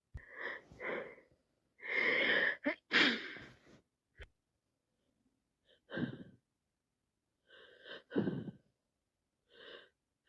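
Repeated wet sneezes with sharp sniffs and breathy intakes between them, typical of sneezing with a head cold.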